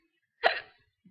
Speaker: and yeah so my hiccups are kind of bad it's kind of sad